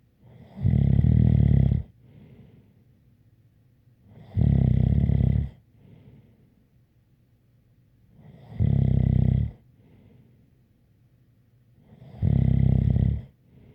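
Loud, rough snores on each breath in, about 16 a minute, with softer breaths out between them and a faint whistle: snoring.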